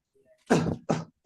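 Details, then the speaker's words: Adult imitating a pediatric hacking pharyngeal cough: two short, harsh throat-clearing cough bursts. "hackling TR cough is only fenial cough it comes like"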